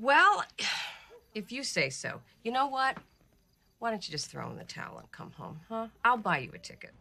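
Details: Adult woman, acted film dialogue; Normal speech.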